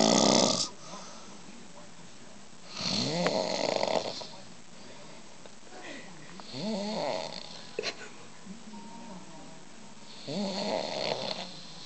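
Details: Adult man asleep, his children trying something out on him: irregular snorting, gurgling snores in uneven bursts with quiet gaps between. Snoring.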